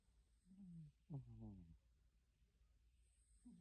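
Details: Sleeping cat snoring: soft, low, buzzing snores, two or three quiet rattling breaths over faint room hum.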